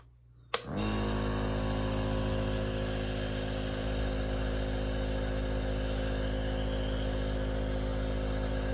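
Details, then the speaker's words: Portable compressor nebulizer with a mask on ear straps, running saline with 3% hydrogen peroxide (iodine optionally added), set for a half-hour session: a click, then a steady loud motor hum with fast buzzing rattle. "come with a string put it over your ears like this and like I said it's a little bit loud so bear with me you could take this along with you anyway it's portable so I'm going to turn it on for half an hour"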